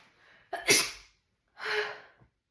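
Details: Acted sneeze in a roleplay, not a real one: a soft breathy intake, then a sharp forceful sneeze and a short exhale.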